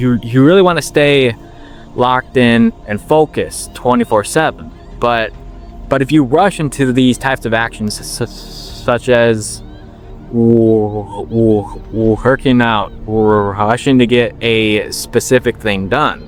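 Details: 21-year-old man with stuttering since he began talking, long working to overcome it and reporting that slowing down improved his speech; word repetitions audible; stuttering.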